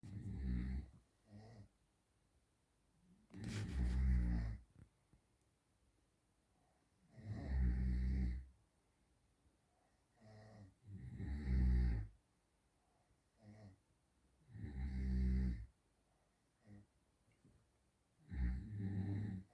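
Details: Loud snoring: deep, vibrating snores, about 16 a minute, with softer breath sounds between them.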